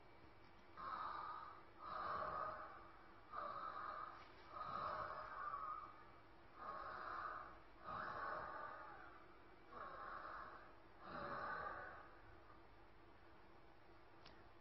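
Eight loud, coarse, rasping breaths about every 1.5 seconds, roughly 40 a minute, with forceful drawn-out blowing; excess-type dyspnea in Chinese medicine.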